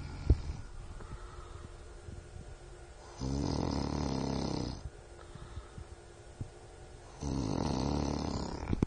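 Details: A sleeper who does not wake when called snores heavily: two deep, loud, rattling snores on breathing in, about four seconds apart, with quieter breathing between; heavy snoring.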